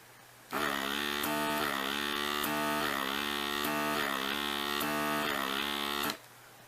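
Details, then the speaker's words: Steady electric buzzing motor drone with faint regular pulsing, about 5.5 seconds, from a Graco NasalClear battery-operated baby nasal aspirator after its suction was fixed, now with much stronger suction. "now there's a lot more suction"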